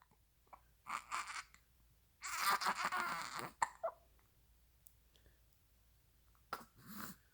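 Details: Infant with hiccups: soft fussing and babbling sounds broken by a few sudden, sharp catches in the breath.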